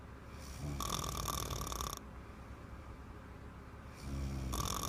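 Two loud, rattling snores on the breath in, separated by a quieter pause; snoring in a young child.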